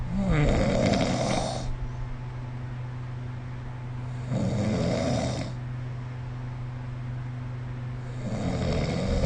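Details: Sleep snoring recorded with the SnoreLab app: three rough, rattling snores recurring about every four seconds, roughly 15 breaths a minute, over a steady low background hum.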